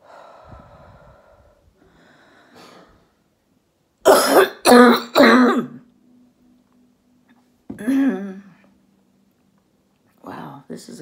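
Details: Adult female orthopedic surgeon recovering at home from COVID-19, clearing phlegm: three quick forceful cough bursts, then a harsher throat-clearing cough with a voiced tail; a productive cough.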